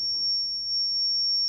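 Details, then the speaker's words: Zoll R Series defibrillator in manual mode during a training demonstration, analyze pressed: steady high-pitched electronic tone with faint room hum while it reanalyzes the rhythm, then reports a shockable rhythm. "I can ask the machine to analyze the rhythm for me in manual mode by pressing analyze. Stand clear. The machine is now the defib is now once again analyzing,"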